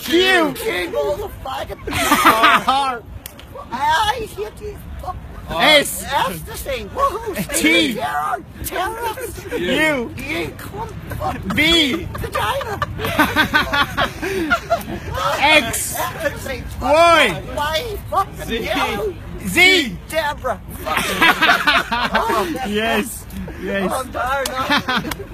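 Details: Involuntary vocal tics, including obscene words and exclamations, in a man with Tourette syndrome, heard while he recites the alphabet; tics left unedited.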